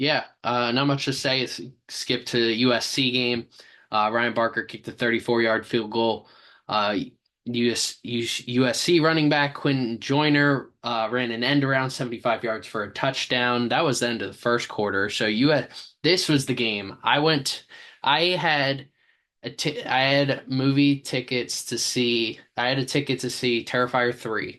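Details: Stuttering in a male sports podcast host who says he has a stammer; repeated words are heard.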